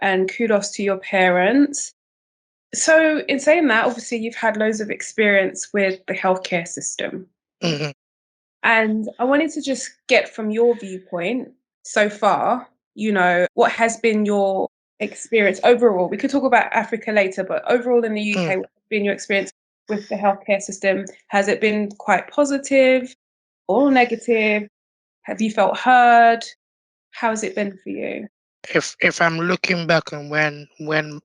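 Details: Adult speaker in conversation; normal speech.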